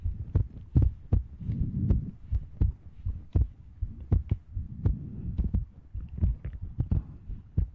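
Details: ASMR recording of a heartbeat: soft, low thumps at roughly 80 a minute with slightly uneven spacing, and faint breathy rustling between beats.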